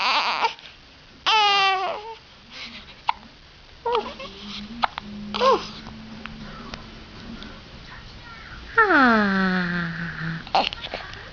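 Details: Infant fussing and babbling, with a few short, abrupt catch sounds between cries; hiccups.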